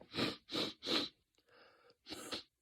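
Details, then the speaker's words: Adult with a cold coming on since Monday, now Thursday, with phlegm and sinus and throat congestion: several harsh, hissing, whistling sniffs and breaths through a blocked nose; congested nasal breathing. "it's congested, right? How am I gonna breathe through this?"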